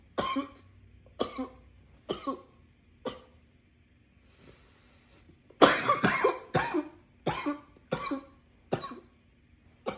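About ten harsh coughs in quick succession with a brief pause and a dense run of coughing; a sustained coughing fit.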